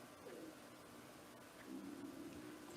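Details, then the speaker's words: Hungry person's stomach growling loudly: low, wavering gurgles in two bursts, the second longer and louder, over quiet room noise; ordinary hunger borborygmi. "Can you guys hear my stomach? It is growling like crazy."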